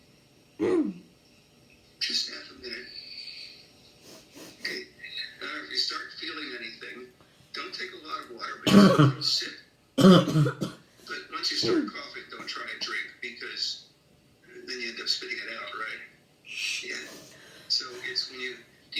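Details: Habit cough, a chronic cough with no physical cause, in a child: repeated loud, harsh, throat-clearing coughs breaking into quiet breathing and murmured speech.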